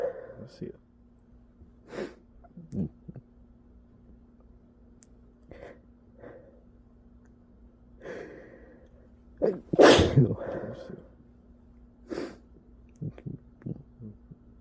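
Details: Person sneezing from allergies: scattered breaths and small vocal sounds, then one loud, sharp sneeze burst, followed by quieter breathing in a small room; sneezing.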